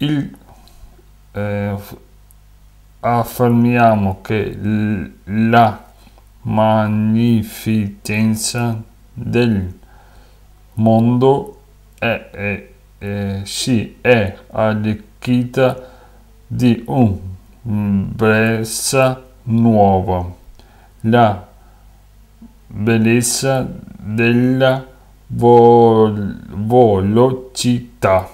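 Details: Aphasia with paraphasic errors in a speaker reading Italian Futurist text aloud, from an artwork on aphasia.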